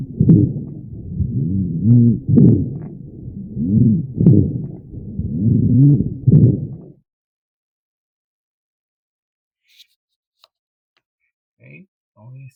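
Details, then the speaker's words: Teaching lung-auscultation sound: low-pitched, snoring rumbles through both inspiration and expiration from airway secretions, which can change when the patient coughs, expectorates or swallows the secretion; rhonchi. "terística de um som grave, agudo, tá? Tanto na inspiração quanto na expiração, tá? E ele também pode ser alterado quando um paciente ele tce, tá?"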